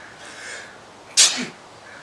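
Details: Acted, comedic sneeze in a skit; a single sharp, hissing sneeze after a brief quiet breath in.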